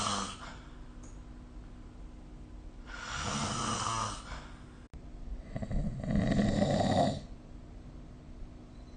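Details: Snoring recorded during sleep with the SnoreLab app.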